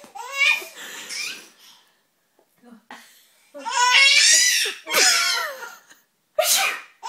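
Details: A young child's short, sharp sneeze-like burst among high-pitched giggles and laughter.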